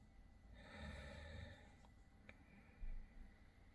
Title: ca 1911 FUNNY MAN SNORING